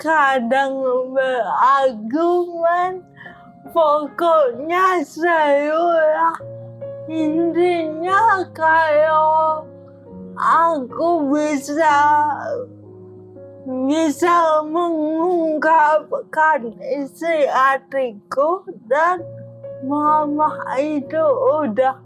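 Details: Young adult woman born in 1998 with oxygen deprivation, diagnosed at age 1 with cerebral palsy, a brain-damage motor disorder affecting gross and fine motor skills; has had speech therapy; dysarthria in cerebral palsy.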